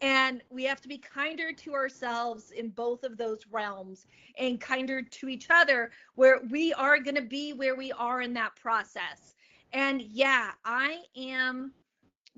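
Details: Stuttering in an adult woman comedian who began stuttering at age eight and is open about her stutter.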